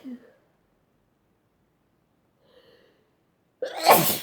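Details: Sneezing fit in a person highly allergic to dust: faint breaths, then one loud, explosive sneeze.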